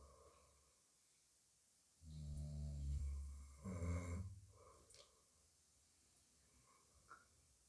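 Two deep, rumbling snores on successive breaths, then quiet; ordinary snoring.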